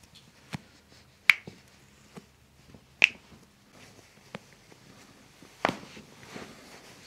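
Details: Several sharp cracking pops of joint cavitation during a chiropractic neck adjustment, with the patient's head and shoulders relaxed, in a quiet room.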